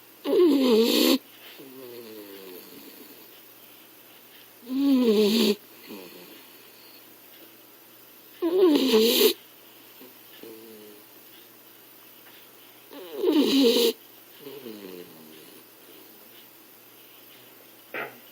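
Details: Loud rattling snores on each inhalation with softer whistling exhalations, about 14 breaths a minute.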